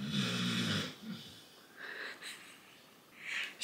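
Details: Pet named as snoring in the background during indoor talk: a loud, low rattling snore, then softer breathy snuffles and a faint rising sound at the end.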